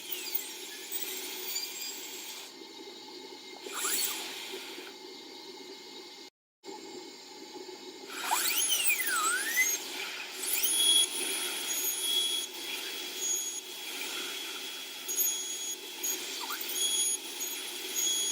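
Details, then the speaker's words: Dental drill cutting an anterior tooth during crown prep for an E.max crown: a thin high whine with squealing pitch drops and quiet pauses. This is interproximal reduction, where a small sliver of tooth is kept to gauge depth. "Keeping that sliver also helps you kind of gauge how deep to go, because you don't want to over prep this. So if you keep just like a small sliver, that'll put you at about the right spot, the right amount of reduction."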